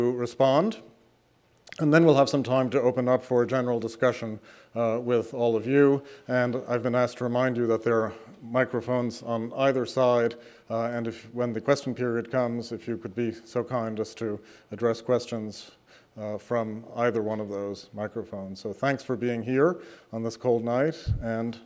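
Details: Adult male speaker; normal voice.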